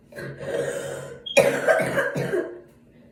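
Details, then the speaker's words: Sick person with a bad cough, trying to hold it in while talking: a couple of suppressed, throaty coughs with throat clearing, partly held back. "Holding in my cough a little bit. Okay, wait. If I don't talk for a little bit, then that means I'm holding in my cough."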